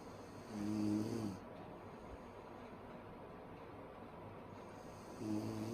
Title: Sleeping Women Loud Snoring